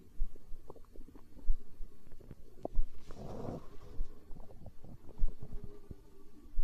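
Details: Stomach growling in hunger, tagged as empty-stomach sounds in an ASMR recording: low gurgling rumbles with irregular bubbling pops, ordinary borborygmi.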